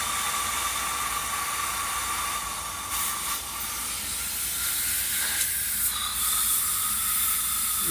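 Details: Steady hissing spray with suction noise: a dental air-water syringe with high-volume evacuator rinsing phosphoric acid etch off a tooth for about 10 seconds during a sealant demo on a simulated patient.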